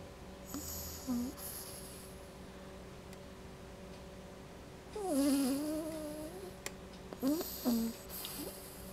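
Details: Sleeping female pet dog: soft nasal snores mixed with squeaky whimpering sounds against quiet room noise; ordinary snoring.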